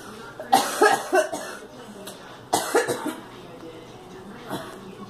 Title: Girl coughing